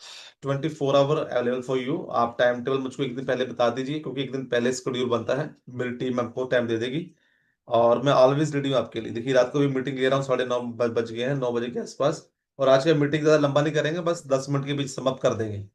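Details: Adult man speaking Hindi; Normal speech.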